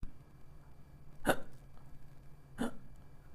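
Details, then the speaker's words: Two abrupt, short hiccup sounds about 1.3 seconds apart, quiet room noise between, in an explainer attributing hiccups to sudden diaphragm contraction with the vocal cords snapping shut. "Well, what causes that weird hiccups? This is the sudden contraction of your diaphragm and this hick sound that you get is because of snapping of your vocal cord."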